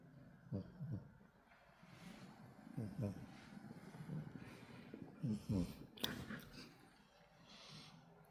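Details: A male cat, rescued from the street, sleeps peacefully at home with soft, rattling snores repeating about every two and a half seconds over quiet room noise.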